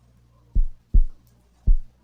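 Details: Stethoscope auscultation of a female patient's heart during a nursing physical-exam demonstration at the auscultation foci; low, clean lub-dub at the lower left sternal border without murmur; normal heart sounds.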